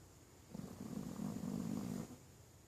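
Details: Pekingese dog falling into a "mechanical" snore right after a long stretch: one low, rattling, buzzy snore lasting about one and a half seconds in a quiet room.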